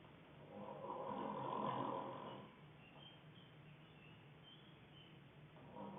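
One long, rumbling snore on an in-breath, then quiet, with the next snore starting at the end; snoring.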